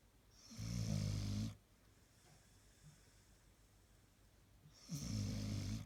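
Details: Sleeping dog snoring: deep, buzzing snores on each in-breath, about every four seconds, with quiet pauses between.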